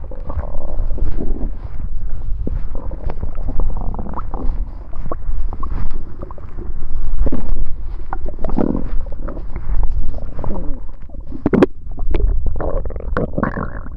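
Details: Loud, continuous low gurgling and rumbling with bubbling pops from the belly during a tummy ache; borborygmi.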